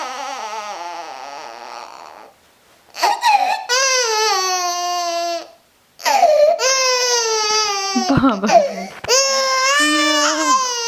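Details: Loud, clear-toned wails in long bursts separated by breaths and brief pauses; a 5-month-old infant's ordinary cry after reacting to funny noises.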